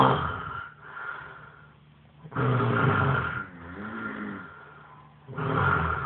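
Loud, rough, vibrating snores on the breath in, with quieter breaths out between, about 20 breaths a minute.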